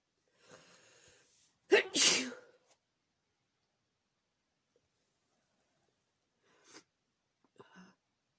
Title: Chhinkni sneeze variety (f)